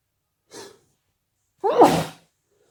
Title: allergy sneezes